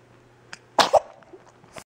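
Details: Infant boy about 2.5 months old, being coaxed to talk, gives a milky sneeze: a soft lead-in breath, then a quick double explosive burst. Sneeze.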